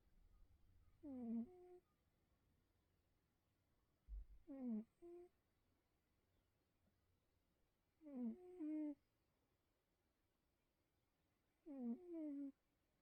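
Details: A cat's squeaky, tonal snores recur about every three to four seconds in a quiet room.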